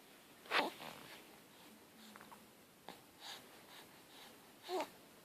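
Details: Infant boy with hiccups: brief, abrupt catches of breath every couple of seconds with soft baby sounds.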